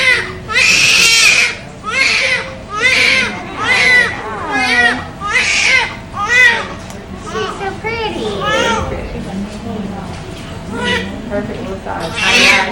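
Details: Newborn girl just delivered under regional anaesthesia, first pregnancy, 19.5 inches long, 3200 g (7 lb 1 oz): loud, repeated crying in strong bursts with brief pauses, with background room sounds; a vigorous newborn cry.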